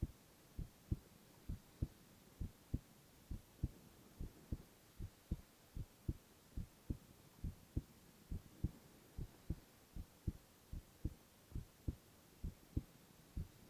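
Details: Silent ASMR recording of a male's continuous heart sounds: steady, regular low thumping at about 90 beats a minute with soft background hum; normal heart sounds.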